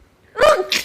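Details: A girl's single quick sneeze: a sharp voiced burst followed by a brief hissing release.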